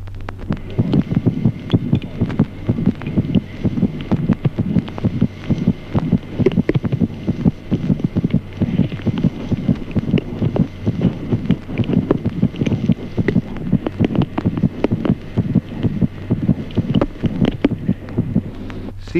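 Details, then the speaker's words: Fetal heart sounds: rapid, soft, muffled beats at about 130 a minute. The maternal pulse is heard alongside as a soft murmur. "Ejemplo cuarto, ruidos cardíacos fetales. Además, pulso materno como un suave soplo"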